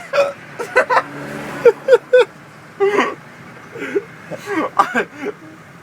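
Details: Hiccups in a man riding in a taxi: a run of short, abrupt, jerky vocal catches with brief gaps, with faint laughter and road noise behind.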